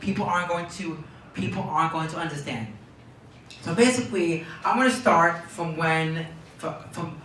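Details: Phrase repetitions in Tourette syndrome in a young man diagnosed at age four, with repeated words and phrases during an interview.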